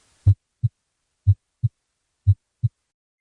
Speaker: a normal sounding heart will make two noises when beating these two noises called S1 and S2 are a result of the heart valves closing a normal heart will sound